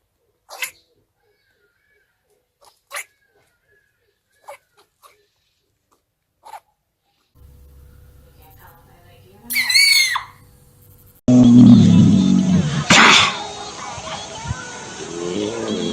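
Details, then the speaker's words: Animal sneezing, possibly after getting water in its nose: several tiny, sharp sneezes, then a louder snorting burst with squeaky noises. "Are you gonna sneeze? Bless you. Did you get water in your nose?"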